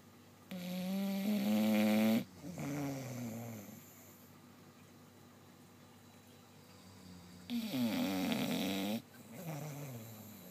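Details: Adult snoring at midnight: two loud, rattling snores on the in-breath, each followed by a quieter breath out, with a quiet pause between them; ordinary snoring.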